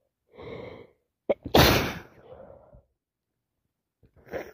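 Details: Person with a common cold: a voiced intake builds to a single forceful sneeze with a sharp burst, then soft breathing and a sniff.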